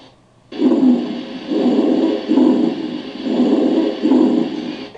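Coarse, low-pitched rumbling, snore-like sounds repeat with each breath, about five cycles in the clip, typical of rhonchi.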